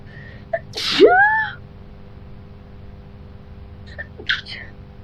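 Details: Woman with cat allergy in an apartment next to a neighbour's cat, sneezing non-stop: forceful voiced sneeze, then a softer second burst a few seconds later.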